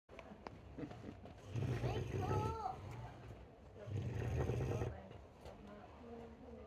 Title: boar snoring